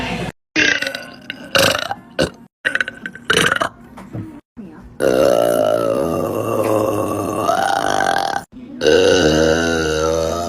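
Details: Adult woman (mother) burping hard on purpose, giving several loud belches ending in one long, drawn-out burp lasting a few seconds; she says she sometimes swallows air. Forceful belching.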